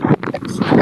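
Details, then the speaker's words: Infant: microphone cervical auscultation to assess coordination of sucking and swallowing with breathing and guard against aspiration; sucking, swallowing and breathing sounds. "So cervical auscultation is to assess the sucking, swallowing reflex in coordination with breathing, which is an important clinical pathway that I would like to share with you."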